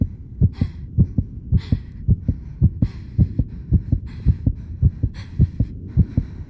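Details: Simulated sound effect of a rapid heartbeat, regular lub-dub thumps at about 108 a minute, with rhythmic heavy breathing over it.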